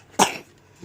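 A single short, sharp cough from an infant in a quiet room; a cough during a flu-like illness.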